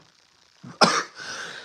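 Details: Cough from an adult man who says he is still sick.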